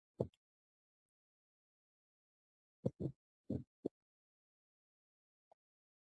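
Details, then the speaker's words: Third heart sound (S3) played in a cardiac auscultation class: a few dull, low heart thumps with an extra soft sound in rapid ventricular filling, immediately after the second heart sound. "A ver, vamos primero con el tercer ruido. ¿Dónde lo debemos escuchar? En llenado ventricular rápido, inmediatamente después del segundo ruido."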